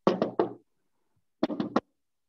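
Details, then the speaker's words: Teaching vocal imitation of a third heart sound (S3 gallop): two three-beat groups mimicking 'Ten-nes-see', which follows S1 and S2, contrasted with 'Kentucky' for S4. "Kentucky means you have a four sound Tennessee means you have a thir heart sound"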